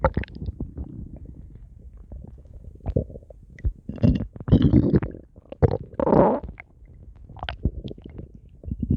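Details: Stomach growling (borborygmi): low gurgling and bubbling rumbles with a few louder squeaky swells from gas and fluid moving through the gut.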